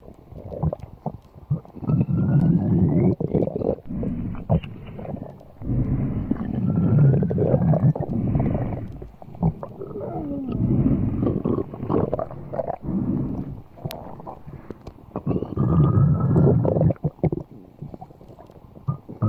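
Long, low rumbling and gurgling growls with shifting squeaky tones, coming in waves; loud stomach growling, a normal bowel sound.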